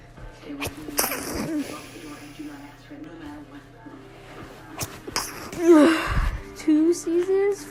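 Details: A person sneezing: a couple of sharp sneeze bursts are heard over background music and talk.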